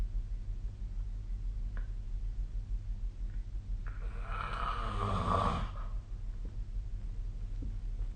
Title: 🐽 本日のイビキ / Snoring Sleep Sound